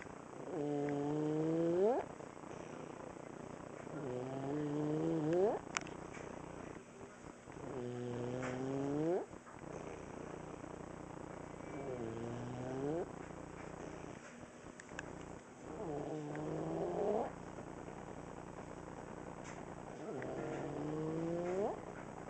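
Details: Boy almost 5 years old with laryngomalacia, asleep at a certain angle: loud, high-pitched crowing on each in-breath, about 16 breaths a minute, inspiratory stridor, now less frequent than before.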